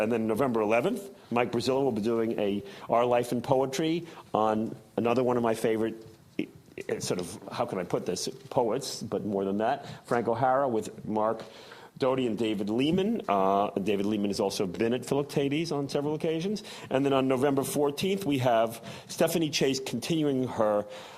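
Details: Adult male speaker; normal speech.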